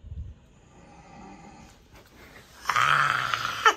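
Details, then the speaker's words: Snoring of a sleeping adult, played back from a sleep-tracking app recording: faint room noise, then a single loud, rough snore. "nghe thì đó là tiếng ngáy LOL)"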